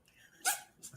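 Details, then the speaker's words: Pet cat sneezing, a high squeaky-toy-like sneeze; owner says he always sneezes about 10 times in a row. "that's our cat sneezing that sounds like a squeaky toy yeah he has bless you buddy and he always sneezes like 10 times"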